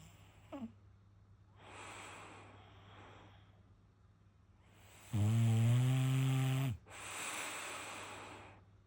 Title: Bulldog Snores 😍